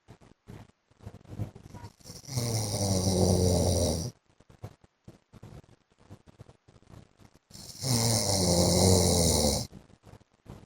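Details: Adult man asleep: two long, loud, rumbling snores on inhalation, about 11 a minute, with quiet crackly breathing between; heavy snoring.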